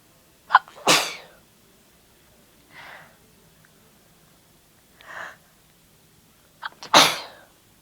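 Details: Two forceful sneezes, each with a quick sharp intake and explosive burst, separated by softer breathy sounds in a quiet room; the person remarks it was really wet; sneezing.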